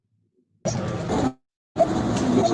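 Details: Stridor example from a pediatric ENT lecture on laryngomalacia: noisy breathing from glottic or subglottic narrowing that can be biphasic.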